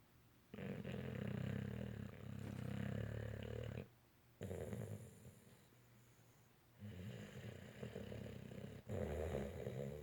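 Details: Loud, low, rattling snores in long drawn breaths with quiet pauses between, about three snoring breaths; snoring.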